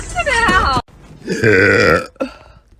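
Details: Two loud, drawn-out voiced belches, the second longer and rumbling, then a brief gulp; a girl burping in a burp compilation short.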